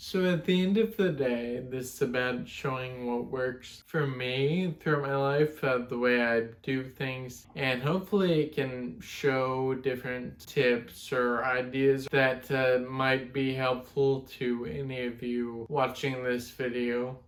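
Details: 32-year-old man with Friedreich's ataxia, a genetic degenerative neuromuscular disorder; symptoms began around age 13, speech problems in his mid-20s; ataxic dysarthria.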